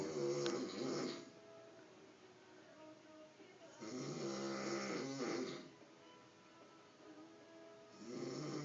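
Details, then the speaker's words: Adult man asleep, cigarette in mouth, snoring worse than usual: loud, rough snores about 14 a minute, each drawn-out and rattling on the in-breath, with quiet gaps; heavy snoring. "And that is one snoring son of a bitch."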